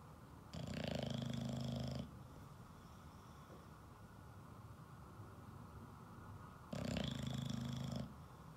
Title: Ollie The Bulldog - Snoring Loudly #shorts